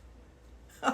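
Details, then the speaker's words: An adult imitates a sneeze, pronounced "ai" to show how Israelis sneeze, unlike the American "au". Near silence is followed by one brief, sharp vocal burst at the end: an imitated sneeze. "Did you know that Israelis sneeze differently than English speaking people, American, let's say Americans say au Israeli say or pronounce ai?"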